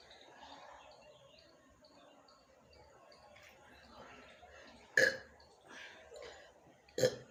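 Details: Woman doing a burping challenge in the morning after drinking a small Thums Up cola, throat already hoarse: two loud plain belches over quiet room noise with faint voices.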